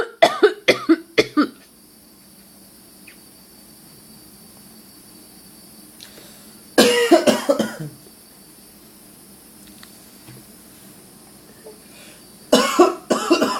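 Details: Voluntary cough: three clusters of forced, deliberate fake coughs separated by quiet pauses, made on purpose rather than from illness.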